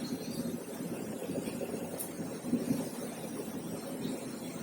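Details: CEPL O2 Engine Mini oxygen concentrator running after startup, concentration reached about 92% and stabilizing near 93%, nasal cannula connected: steady low mechanical hum with airflow noise, cycling normally.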